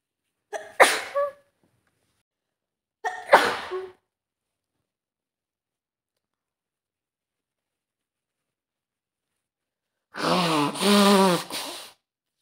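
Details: A simulated scenario of a girl with a bad cold sneezing on a train: two sharp sneezes, then after a pause a longer voiced sneeze.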